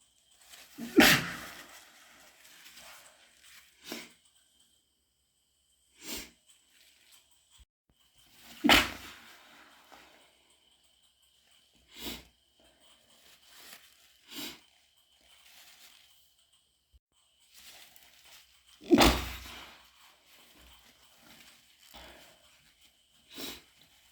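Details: Adult with an ear infection and stuffy nose, after a new nasal spray made the nose burn and run, induces a sneezing fit: three loud, wet sneezes with stifled bursts and sniffles between.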